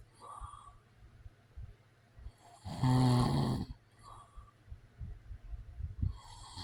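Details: Man snoring: one loud, rough, rattling inhaled snore about a second long, with quieter breathing before and after; real recording of snoring.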